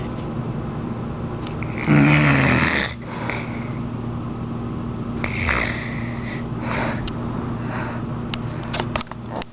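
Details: Grandmother (older woman) snoring during sleep: one loud, harsh inspiratory snore, then quieter breathing against steady room hum; snoring.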